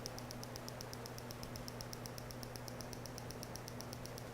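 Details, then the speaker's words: Piezoelectric shockwave therapy device (PiezoWave) firing at full power on an untranquilized horse's back along the spine for back, sacroiliac and gluteal soreness: steady sharp ticking about four clicks per second over a low electrical hum. "So you can see that even at full power, he's tolerating this really well."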